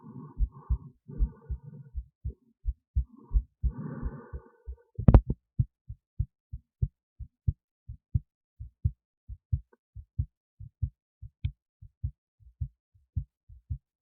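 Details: Own heartbeat recorded with an esophageal stethoscope resting in the esophagus near the heart, with EKG: regular low thumps at about 130 a minute, brief burst of noise early on; normal heart sounds.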